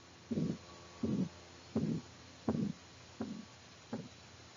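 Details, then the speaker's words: Harsh swooshing murmur with each beat at about 83 beats per minute, a regular rhythm, played as a common example of the murmur associated with aortic stenosis in nursing education material on heart valve disease. "let's take a listen to a more common murmur that might be associated with aortic stenosis"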